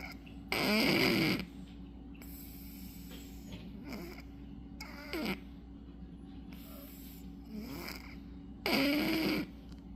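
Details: Sleeping cat snores loudly with rattling breaths and quieter ones between, over steady room hum; snoring.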